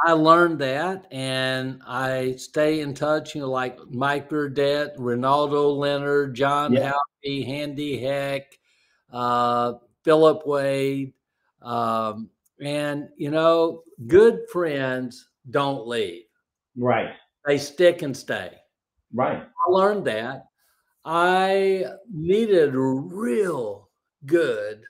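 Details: Former professional speaker who is a stroke survivor with aphasia resulting from stroke.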